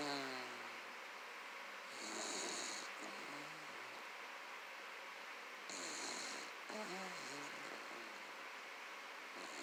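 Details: Soft, faint snoring breaths with a light snuffling quality over a steady hiss, from Tiny, a small animal who lived 16 years (2008–2024); gentle snoring.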